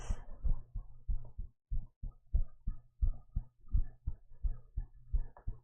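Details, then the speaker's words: Heartbeat played live during an ASMR stream, sounding muffled: steady low thumping at about 86 beats a minute, which the streamer feels is a little too fast and says is speeding up: heartbeat. "Yeah, this is totally not a heart I stole. It's totally mine."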